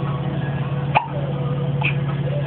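A single abrupt, sharp catch of breath over a steady background hum, consistent with a hiccup.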